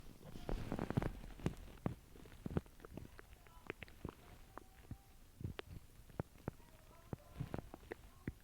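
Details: Low gurgles with scattered soft pops and squeaks over background noise; ordinary stomach rumbling, borborygmi.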